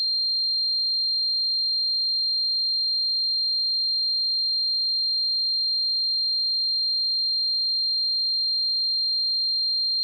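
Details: A steady, high-pitched pure tone rings without change throughout: a sound-effect simulation of the constant ringing of tinnitus.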